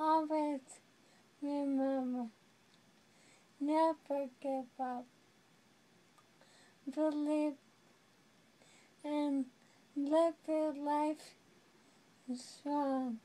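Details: Young adult woman living with ALS (amyotrophic lateral sclerosis), who says she is becoming a prisoner in her own body; very slow speech broken into single words with long pauses. Dysarthria in ALS.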